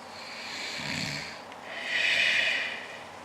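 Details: An adult man sleeping in a shared hotel room, snoring.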